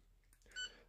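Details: A single short electronic beep in a quiet room as an Enraf Nonius Endolaser 120 800nm cluster probe confirms settings (100 mW) during low level laser therapy for plantar fasciitis.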